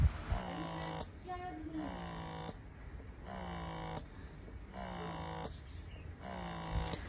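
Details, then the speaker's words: Wearable wireless breast pump in use on one breast, alternating 15 minutes per breast after baby had breastfed: soft, rhythmic motor hum rising and falling in cycles of about one and a half seconds, fairly quiet; breast pump motor cycling. "Pakinggan niyo din yung mismong sounds while pumping."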